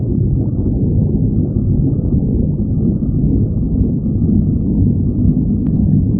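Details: Stomach growling: a steady, low, rumbling gurgle throughout without pause, ordinary borborygmi.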